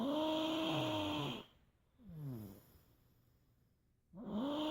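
Loud rattling, rumbling snores on each in-breath, separated by a quieter out-breath. Ordinary snoring.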